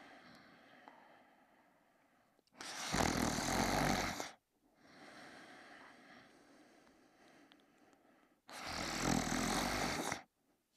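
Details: Sleeping dachshund: loud, harsh, rattling snores on each inhalation about every six seconds, with quieter breathing between; heavy snoring.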